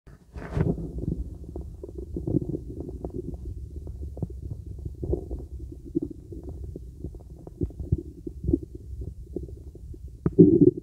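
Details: Soft, irregular gurgles and clicks heard over a young woman's abdomen through a real stethoscope: normal bowel sounds.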